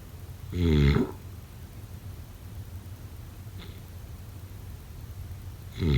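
Loud, low, rattling snores on the breath in, separated by a quiet pause; snoring during sleep.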